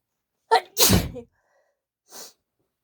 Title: breathy build up chikni desperate sneezes (F)